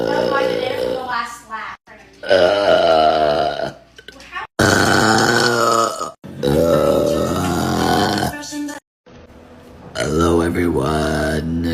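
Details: Adult woman (a mom) deliberately burping hard; she says she sometimes swallows air. A series of long, loud, voiced burps in a row, in a quiet room.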